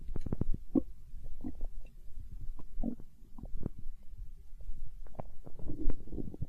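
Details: Hunger stomach growling: low gurgling rumbles and bubbling pops from the belly; borborygmi.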